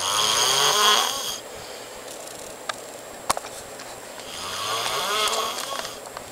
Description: I video taped my friend snoring in his sleep its so loud and hilarious!!